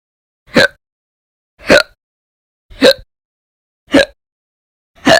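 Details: Five short, sharp, regular hiccups about a second apart with silence between, roughly 53 per minute; a persistent run of hiccups.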